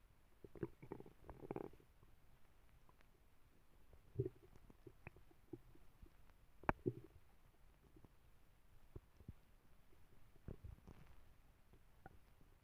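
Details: Stomach rumbling (borborygmi) in a sleeping female dog: scattered soft gurgles and low rumbles against room hiss.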